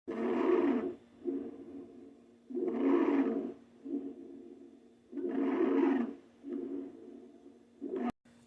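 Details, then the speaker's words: Stridor, from large-airway obstruction, heard over sternum or trachea: loud, harsh, high-pitched breath sounds, stronger on inspiration, about 23 per minute. "él es traidor es consecuencia de la obstrucción de las vías aéreas mayores este se va a ocultar a nivel de esternón o tráquea como un sonido agudo y las causas pueden ser la presencia de un objeto extraño tos ferina y cáncer bronquial"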